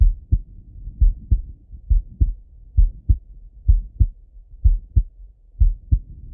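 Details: Normal heart sounds in an adult male: regular paired low lub-dub thumps at about 67 beats a minute, heard by stethoscope in full heart auscultation.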